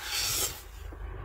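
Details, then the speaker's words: Sleeping French Bulldog giving one harsh, raspy snoring breath lasting about half a second, then quieter breathing; loud snoring. "Amir dann, und der ist nur am Schnarchen, dieser Kleine."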